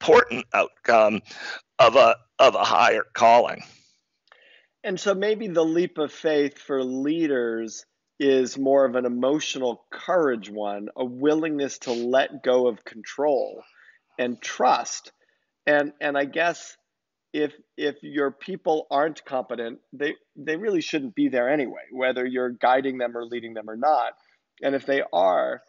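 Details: Adult man diagnosed in 2012 with spasmodic dysphonia, a rare neurological speaking disorder causing partial loss of voice; spasmodic dysphonia.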